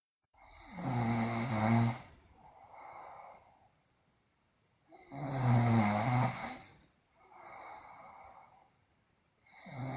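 Loud rattling inward snores alternating with softer outward breaths, about 14 breaths a minute; heavy snoring.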